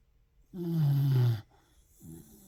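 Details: A low, rumbling breath sound lasting about a second, then a fainter one; snoring.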